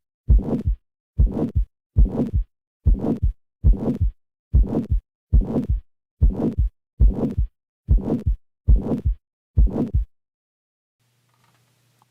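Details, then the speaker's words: Teaching example of a harsh murmur, high and low pitches produced together: regular heartbeat with a loud, rough murmur. "high and low pitches are produced simultaneously this will create a subjectively serious sounding murmur which is frequently termed harsh"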